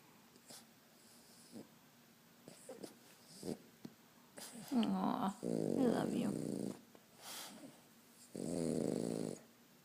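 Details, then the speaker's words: Pug asleep, loud harsh rumbling snores at intervals with noisy sleep breathing; snoring. "What are you doing, buddy? What are you doing? You're snoring."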